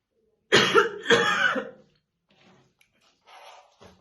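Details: Woman brushing her hair in the morning, said to be real, not acted; two harsh, deep, rattly coughs, then quiet breaths and faint throat sounds: heavy smoker's morning cough.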